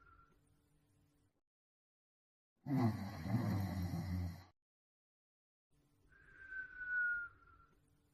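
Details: Cartoon, not real: Beethoven character's loud rumbling snore then a rising whistle on the out-breath, a comic snoring sound effect.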